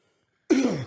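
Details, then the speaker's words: Adult podcast host coughing with a drink in his mouth: after brief silence, one abrupt throaty burst close to a throat clear, a single ordinary cough. "what the [ __ ] was that sound I had to cough but I had a drink in my mouth"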